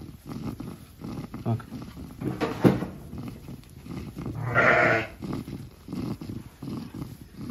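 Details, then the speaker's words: Lamb (no. 8) in a newly rented barn, eating normally, breathing with quick, rhythmic, rough wheezy noises and one bleat; owner suspects a lung problem causing the wheeze. "Ben ciğerinde problem var diyorum yani ciğerde bir sıkıntı vardır büyük bir ihtimal Çünkü bu hırıltı ondan oluyor"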